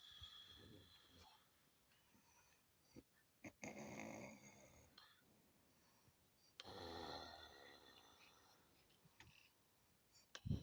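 Two harsh snoring breaths sound among faint room noises and scattered clicks.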